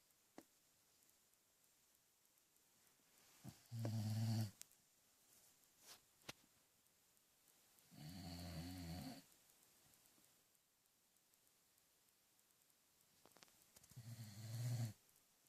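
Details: Sleeping subject (heard as a dog) snoring: three soft, fluttering snorts on breathing in, several seconds apart, in a quiet room.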